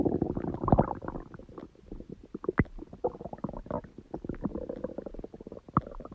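Long run of low gurgling, bubbling and creaking stomach noises, ordinary growling bowel sounds.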